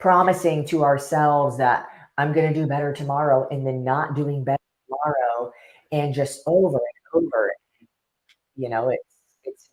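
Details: Adult male speaker; no speech disorder.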